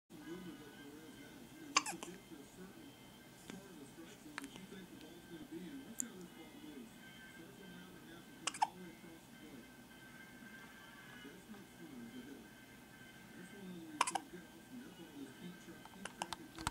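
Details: Four brief, sharp hiccup catches at irregular intervals over background music and voices; a person with hiccups.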